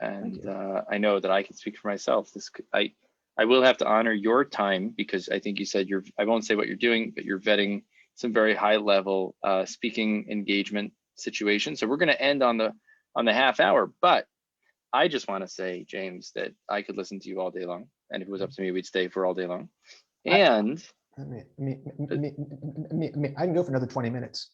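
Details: Adult man; typical speech.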